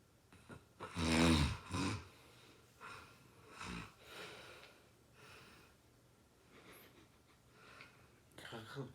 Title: Funny snoring